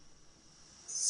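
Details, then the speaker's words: Brief high-pitched hiss of escaping air, then a short low voiced sound, during a sleep apnea patient's overnight CPAP recording; the patient suspects a slight mask leak woke him; CPAP mask leak hiss. "something is wrong here. Why is it hissing? I to be honest it's got to be that sound that's wake woken me up."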